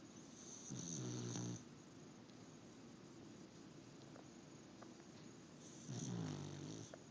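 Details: Sleeper, likely a pet told to go to bed, snoring: two long, rattling snores about five seconds apart, with quiet breathing between them.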